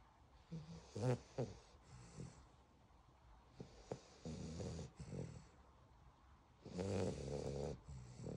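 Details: Sleeping beagle puppy snoring: soft, low, fluttering snores in irregular bursts with quiet pauses between.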